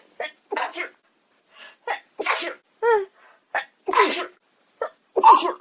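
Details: Young Japanese woman sneezing uncontrollably: a run of about five quick sneezes, each with a short indrawn breath before it, in a quiet room: repeated sneezing.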